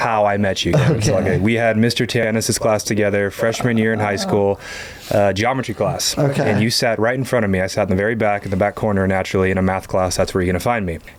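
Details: Adult man speaking; typical speech.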